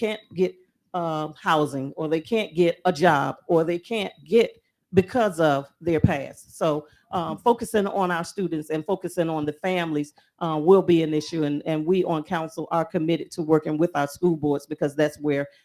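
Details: Adult woman speaking; Normal voice.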